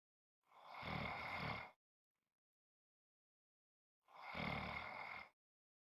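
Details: Typical snoring: two loud, rough, rattling snores about four seconds apart with silence between them.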